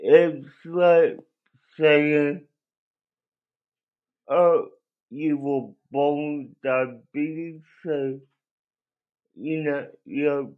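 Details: Adult male with cerebral palsy that he says affected his voice; he cannot walk and has muscle spasms; dysarthria (cerebral palsy).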